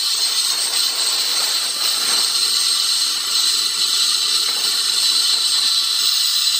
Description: Short video showing operation of the Dentsply Cavitron Plus Gen 131 dental scaler in operation.